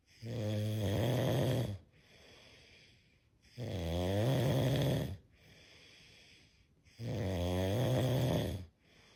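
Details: A sleeping cat snores with loud, rumbling, vibrating sounds on each breath in and quieter breaths out, about 18 breaths a minute.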